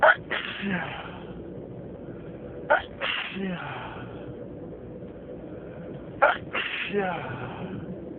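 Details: Three forceful sneezes in a row, each with a sharp intake and explosive burst, over steady car road noise, during a long sneezing fit while driving.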